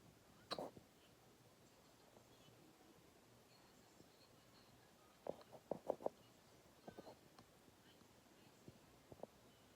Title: Hiccups/sexy hiccups